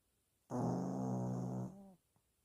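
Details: Heavy snoring in a sleeping dog: a single long, low, rumbling vibration about a second and a half, fading at the end.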